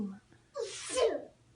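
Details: One quick in-breath, then a single sharp, hissing sneeze, one of repeated sneezes; she is described as sick with a cold, and an allergy is wondered about.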